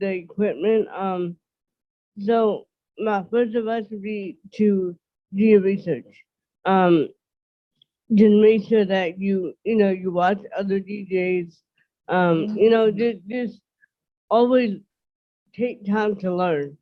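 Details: 30-year-old woman with self-reported dysarthria, which she says is milder than in others who have it; dysarthria.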